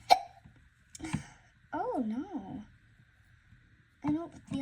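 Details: Several short, abrupt voiced catches with brief vocal sounds between them, in a quiet room; a child's hiccups.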